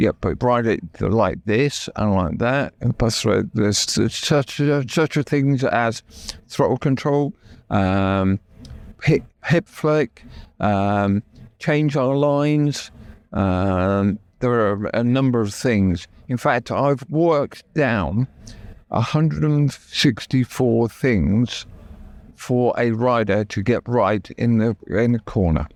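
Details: Adult male stroke survivor with right-sided paralysis who had to relearn speech, leaving hospital able to say only three words, with persistent aphasia where intended words come out differently; aphasia after stroke.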